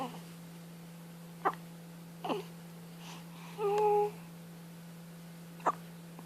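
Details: Baby's first hiccups: three or four brief sharp hiccup sounds over a few seconds with a short vocal sound between, over a steady room hum; infant hiccups.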